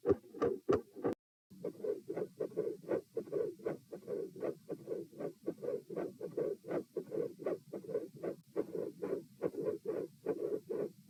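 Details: Same subject lying supine, recorded at position P: rapid, regular heart sounds with a soft whooshing murmur filling the middle of each beat; mostly mid-systolic murmur.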